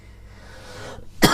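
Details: Adult woman, recently recovered from a cough: near-silence, then a single abrupt, loud cough at the end in a small quiet room.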